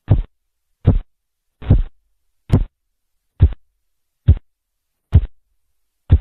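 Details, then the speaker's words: Regular dull thumps, about 70 a minute, over the brachial artery as the cuff deflates: Korotkoff sounds heard while measuring blood pressure in a seated patient during a semiology teaching demonstration. "En la fase cinco, los ruidos desaparecen y nos marca la presión arterial diastólica, la cual es el último ruido escuchado antes de que desaparezca todo ruido. Listo, ahora escuchemos estos ruidos."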